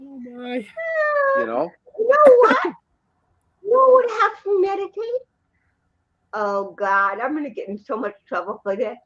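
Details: Dysarthria in an adult woman born in 1956 with congenital cerebral palsy, speaking in an interview; real, not acted.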